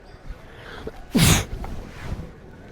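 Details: A single loud, explosive sneeze over crowd noise in a shopping mall; a deliberate prank sneeze.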